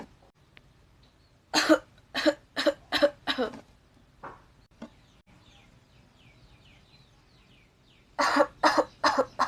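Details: Acted coughing done as a challenge showing seven cough styles: a run of five harsh coughs, two softer ones, then a second run of four coughs.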